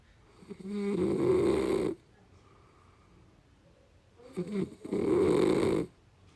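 Two loud, rough, rattling breaths in a row, each about a second long, with quiet pauses between them. Typical snoring.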